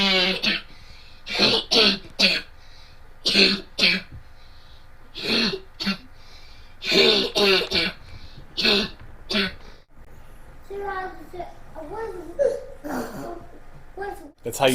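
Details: Sounds of habit cough (somatic cough syndrome), a chronic daytime cough that disappears during sleep and returns on waking, lasting up to 5 years in these patients, recorded before treatment.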